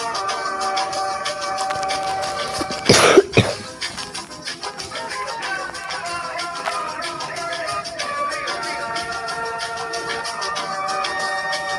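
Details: Over steady background music, a brief loud burst of about two quick coughs, then the music continues; a cough, described as a bad cough.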